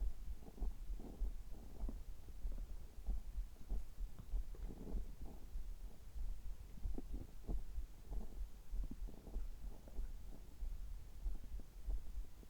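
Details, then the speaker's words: Adult's abdomen just after upper gastrointestinal endoscopy (gastroscopy), result normal, while swallowing water: irregular low gurgles and rumbles; ordinary bowel sounds. "先ほど胃カメラを受けてきました。ちょっと声が変ですけども、胃カメラ直後の、えお腹の音、胃の様子を聞いていただければ嬉しいです。"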